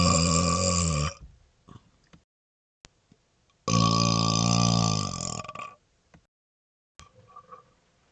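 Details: Deliberate smoky burps, exhaling smoke, first such recording: two long, loud, rumbling voiced belches, the second lasting about two seconds, with quiet gaps between. Burping.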